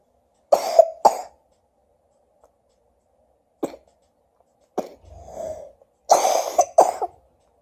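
An adult gives about six short, harsh coughs, some in quick pairs, separated by pauses and quiet breaths.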